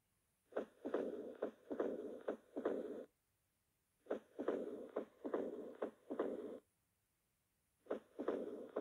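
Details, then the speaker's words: Sharp heart sounds with opening snap and low-pitched rumbling diastolic murmur; moderate mitral stenosis. "it is a rumbling type lopist crysando de crescendo type may diastolic murmur at mitral area with pre-systolic pre-systolic accentuation after the opening snap turbulent blood flow from the left atrium into the left ventricle is responsible for the murmur"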